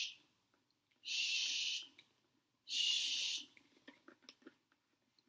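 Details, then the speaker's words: Nursing skills check-off on a training manikin: two sustained high-pitched hissing suction bursts from a catheter inserted to resistance, withdrawn half an inch, suctioning in a circular motion: tracheostomy suctioning. "gonna go ahead and start suctioning suctioning in a circular motion"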